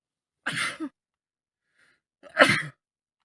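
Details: Adult male with a common cold, sitting in a car, sneezing fit; two forceful, less wet sneezes about two seconds apart, each a sharp burst of air in a quiet space.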